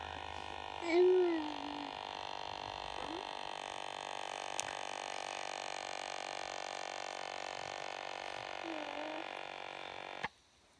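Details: Steady whining hum of a small pump inflating a wrist cuff for about nine seconds, then a click; Relion automatic wrist monitor held at heart level, reading 129/74, pulse 81.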